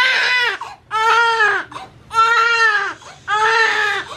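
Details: Strong, clear rhythmic crying in repeated bursts with short breaths between from a newborn girl just after birth: a vigorous newborn cry.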